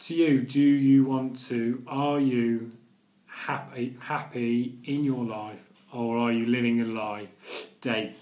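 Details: Stuttering (stammering) in an adult man who has stammered daily for nearly 40 years, speaking in his video blog.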